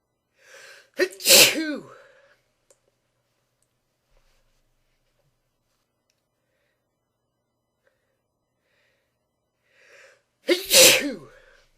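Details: Two loud sneezes about nine seconds apart, each preceded by a short sharp intake of breath, in a quiet room.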